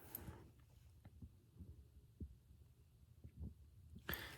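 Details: Soft, low lub-dub beats heard at the left second intercostal space during a nursing head-to-toe assessment, with the diaphragm then the bell, plus scraping at placement and removal; normal heart sounds (S1/S2).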